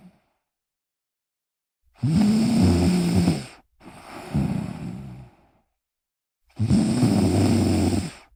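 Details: Cousin snoring soothingly: three long, low, rumbling breath sounds separated by pauses; snoring.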